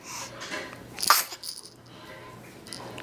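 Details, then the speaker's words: Dog giving a single sharp, hissing sneeze followed by a couple of softer snuffles over a low room hum. "Whoa. Quite a sneeze."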